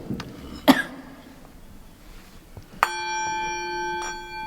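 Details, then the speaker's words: Woman coughing during a nighttime investigation in a former crown court: a single sharp cough in a quiet room, followed later by a ringing metal bowl tone. "I'm so sorry for coughing."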